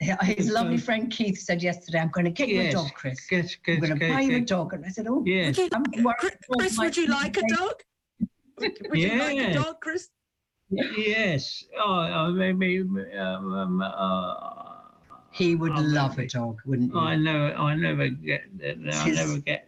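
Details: Adult male actor with severe aphasia after a stroke, described by his speech therapist as one of the most severe cases; he is largely unable to speak and communicates mainly by gesture: aphasia.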